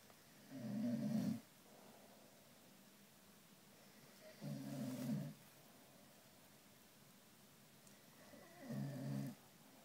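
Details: Three low, fluttering snores on the in-breath, roughly four seconds apart, about 15 breaths a minute; steady snoring.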